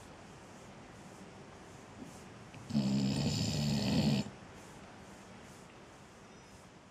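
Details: Ziggy snoring, possibly when hot: a single rough, buzzing snore lasting about a second and a half, over quiet room noise.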